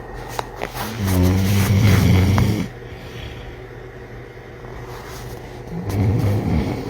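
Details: Tired father and son snoring while asleep: low, rumbling, fluttering noises on breathing in with quieter pauses, over steady background noise; snoring.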